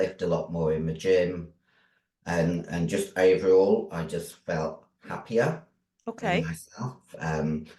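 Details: Adult female bodybuilder with androgen-induced voice deepening after taking large doses of male steroids (performance-enhancing drugs); she can no longer sing.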